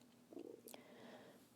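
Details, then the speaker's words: Adult's stomach growling despite having already eaten breakfast: a brief low gurgling rumble with faint room noise. Stomach growling (borborygmi). "if you can hear my stomach growling i did eat breakfast okay already"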